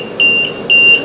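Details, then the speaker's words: Steady high-pitched low minute volume alarm from an LTV 950 portable ventilator on a test lung during a setup demonstration; the reset button is pushed and the circuit connections are checked. "right now i'm getting a low minute volume alarm so what i'm going to do is i'm going to push the reset button"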